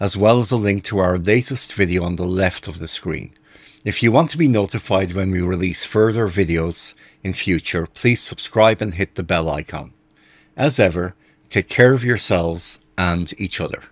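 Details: Adult male narrator; normal speech.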